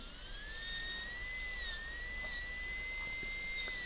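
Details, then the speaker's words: A dental drill gives a steady high-pitched whine with slight pitch shifts. It is beveling an MOD gold onlay preparation on a soft Kilgore preprepared typodont tooth with large boxes, a class demonstration. "We're going to make a little bevel along the facial cusp bridge."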